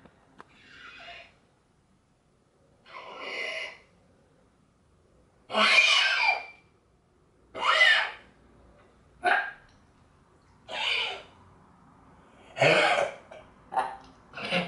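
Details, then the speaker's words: Dog with kennel cough (canine pharyngitis), vomiting whitish mucus: repeated harsh, honking coughs and gagging retches in short bursts, as if choking. "y estornudar o como si tuviera una arcada o así es que yo no sé qué es exactamente dios no lo sé no tengo puñetera idea pero el tema es que claro parece que se ahoga el perro"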